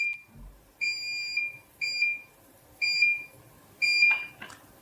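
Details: SOGA diode dental laser in red mode cutting soft tissue on a meat model: high steady electronic tones in repeated one-second bursts; laser emission tone.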